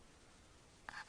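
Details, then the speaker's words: Sleeping child with obstructive sleep apnoea, the tongue falling back during sleep, trying to click air in: near silence with no breath sounds, then a brief click and a sudden noisy gulping inhalation; recovery gasp after an apnoeic pause. "he's still holding his breath and that's going to gulp again there he goes that was it again and again he's holding he's holding he's trying there he goes"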